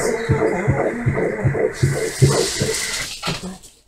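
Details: Rapid rhythmic whooshing pulses, about 154 a minute, from a fetal heartbeat on ultrasound Doppler at 19 weeks in an IVF pregnancy (second baby); rate within the usual fetal range.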